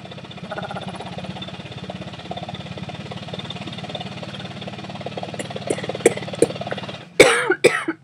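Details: Steady fast mechanical pulsing from a chest oscillation vest, then several harsh cough bursts toward the end; airway clearance in a woman with cystic fibrosis and severely decreased lung function, just home from hospital.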